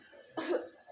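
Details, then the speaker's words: Adult female patient taught effective coughing by a nurse for sputum collection for lab testing: deep breath, hold, then a single forceful cough burst to bring up sputum. "Nah, kemudian untuk batuk efektif, ibu bisa ambil nafas dalam, kemudian ditahan, lalu ibu bisa batuk."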